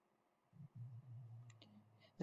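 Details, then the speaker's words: Dog snoring in a quiet room next to a person giving a recorded talk: low, rumbling snores heard faintly. "here oh my goodness my dog is snoring next to me if y'all can hear that that I promise that's not me that's my dog"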